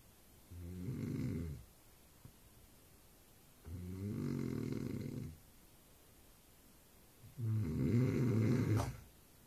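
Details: Man snoring extremely loudly, likened to bull elephant seals; three long, low rattling inspiratory snores several seconds apart, roughly six breaths a minute, quiet gaps between.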